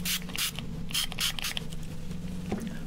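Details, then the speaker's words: Several short hissing bursts of throat spray over a steady low room hum, used during a live weather webcast because the speaker's voice sometimes gives out. "little throat spray there. So sometimes my I voice gives out there. I thought Brian was spraying some deodorant there for a minute."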